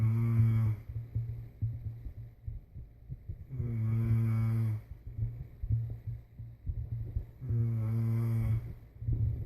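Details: Adult's own snoring during sleep: loud, deep, buzzing snores about every four seconds, roughly 15 breaths a minute, quieter breathing between; heavy snoring.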